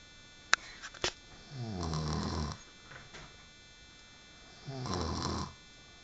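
Two long, low rumbling inhaled snores about three seconds apart after a couple of sharp clicks; snoring.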